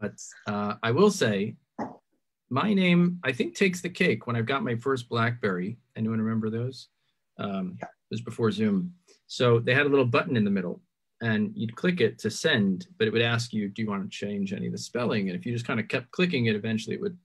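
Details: Adult man speaking; Ordinary speech.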